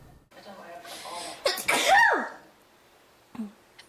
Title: DAY FOUR:: YOU SNEEZE; I SNEEZE RIGHT?